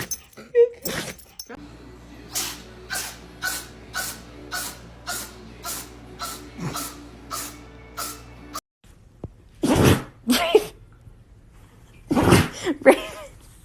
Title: Animal Sneezes Never Get Old 🤧🐾